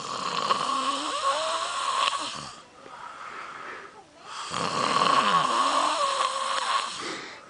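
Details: Person snoring very loudly during sleep: two long, rattling snores with a quieter breath in between.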